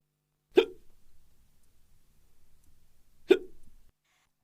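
Two sharp, brief gulping hiccups about three seconds apart in a quiet room.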